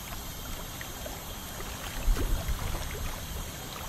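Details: 29-year-old male, dental tartar removal: continuous water spray hiss with low gurgling and suction bursts midway, consistent with ultrasonic scaling.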